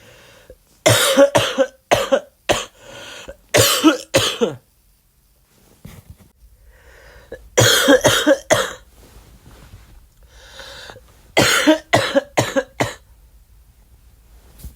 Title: my flu cough